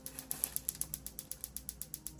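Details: Piezowave2 focused shockwave therapy device at intensity 2–4 over the lateral elbow for tennis elbow: steady fast clicking, about eight pulses a second.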